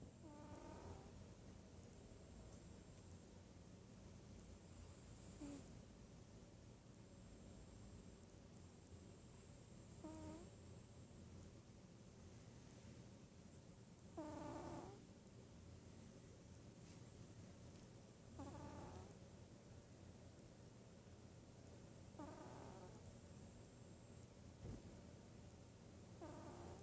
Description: My cat snores more than I do.